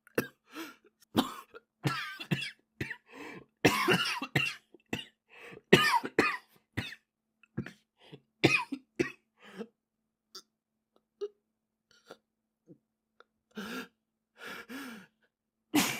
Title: japanese boy coughing 2